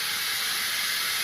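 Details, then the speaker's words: Steady loud airy hiss of the suction on a dental chair running, with its control demonstrated turning strength up and down, during an equipment demonstration. "tapos yung sa suction ito po yung control niya gusto niyong hinaan"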